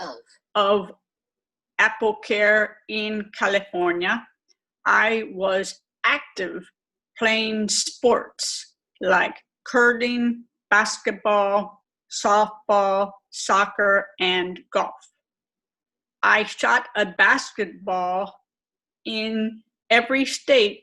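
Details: Adult woman, stroke twelve years earlier, self-reported severe aphasia with severe apraxia of speech; chronic post-stroke aphasia with apraxia of speech.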